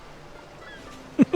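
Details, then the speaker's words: Pet cat sneezing in the background during a video game let's play; the owner is unsure the sneeze is audible. "my uh cat is sneezing I don't know if you hear that"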